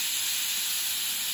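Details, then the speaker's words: Dental air syringe drying etched teeth before bonding a class 2 composite, one side dried to slightly moist and teeth I and J deliberately over-dried chalky: steady loud continuous hiss of air. "So I'm going to dry this side perfectly. Now I'm going to over dry I and J."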